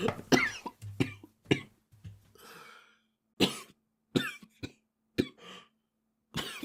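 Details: A run of about eight short, sharp coughs from a Japanese boy, with brief pauses and a breathy exhale between.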